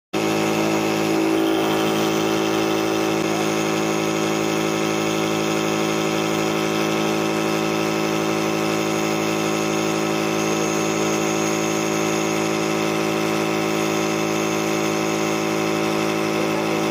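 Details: Loud, steady buzzing motor hum with fast fine vibration: a nebulizer compressor running during a nebulizer treatment for pet pug dogs.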